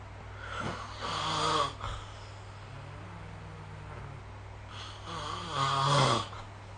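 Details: Sleeper recorded with the SnoreLab app gives two loud, rattling snores on breathing in, about five seconds apart, over low room hum.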